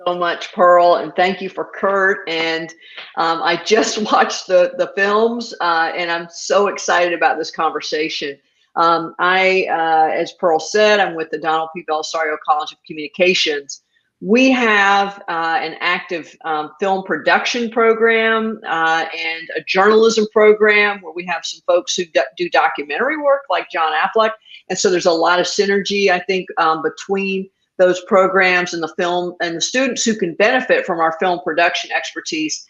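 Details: Adult speaker; normal speech.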